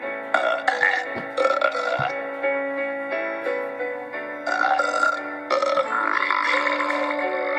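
Loud, drawn-out belches from a cartoon, over background music: burping.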